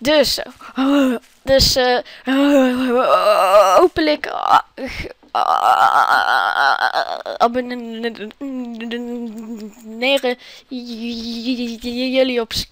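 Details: Dutch-speaking speaker whose stuttering is only suggested by his self-chosen "stuttering" channel name, not otherwise stated; stuttering.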